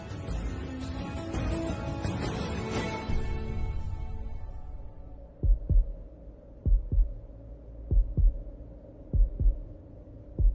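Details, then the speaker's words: Music fades into slow, paired, dramatized thumping beats from a fetal heart monitor: staged heartbeat sound effect in a Hindi TV drama scene where a pregnant woman hears her baby's heartbeat. "आपके अपने बच्चे के दिल की धड़कन। बच्चे का दिल धड़कना है, मतलब मेरा बच्चा ठीक है, मेरा बच्चा ठीक है।"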